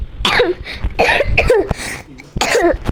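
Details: Child coughing: three loud, harsh cough bursts with short gaps and room sound between, a lingering cough after an illness.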